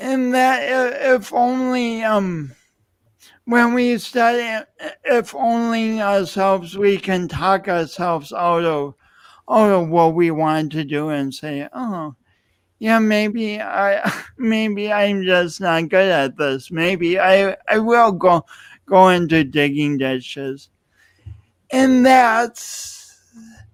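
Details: Adult speaker; speech impediment (disfluency).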